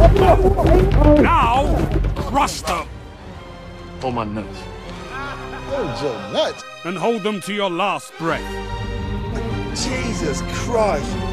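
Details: Adult actors; normal speech.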